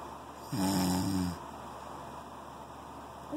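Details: Man's snoring, a single low rattling snore lasting under a second, then quiet breathing; the partner fears his breathing is too erratic and is scared for him, though the irregularity cannot be judged.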